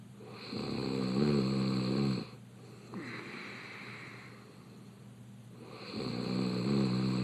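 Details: Man, a reality-show contestant, snoring with his mouth open in bed: deep, buzzing, rattling snores on each breath in, about 15 breaths a minute, with quiet breaths out between; open-mouth snoring.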